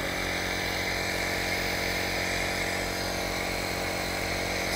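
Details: Beurer IH18 German-made piston compressor nebulizer switched on: a steady, even, unbroken motor hum with little vibration.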